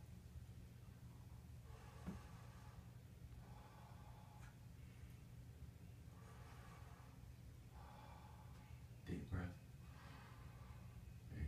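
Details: Slow, deep breaths drawn in and let out as soft, even airy rushes in a quiet room during a patient assessment, with no wheeze or crackle. Clear, normal breath sounds.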